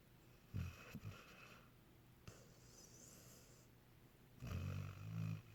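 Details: Low rumbling snores with snorting bursts, two breaths a few seconds apart, in a quiet room, sounding like a cartoon dog; snoring.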